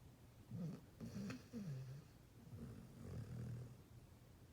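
Soft, low rumbling snores repeating with each breath from a sleeping dog.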